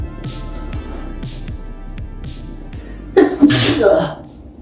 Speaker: have you ever wondered how sneeze well let me show you it's cute